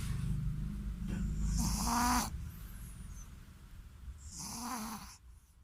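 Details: Shih Tzu dog snoring while asleep after a bath: rough, rattling snores with snorting inhalations.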